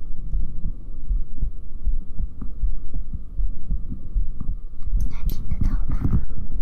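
Soft, regular low thumps of a heartbeat under a steady hum, with scratchy rustling from touching the microphone in the last seconds.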